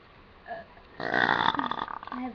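One loud, drawn-out, rumbling burp of about a second after a brief softer sound. An ordinary belch.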